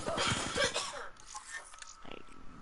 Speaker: what is that what is that noise like somebody's choking or something it's my mom